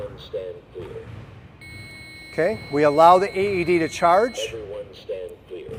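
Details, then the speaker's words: Simulated adult AED scenario during CPR, pads placed and connector plugged in: steady alarm tone and defibrillator voice prompts to stand clear during rhythm analysis and shock delivery, people talking, before resuming chest compressions. "nobody's touching the patient i cycles of discharged now it's important that we go straight into chest compressions the same way we did cpr"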